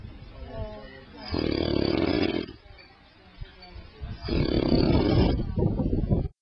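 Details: Man, who denies snoring, filmed while asleep: two loud, rough, rattling snores about three seconds apart, each over a second long, with quieter breathing between; snoring.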